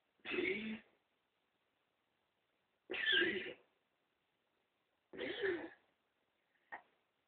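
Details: Pet's morning cough: three harsh, separate coughing bursts a couple of seconds apart, then a brief faint sound.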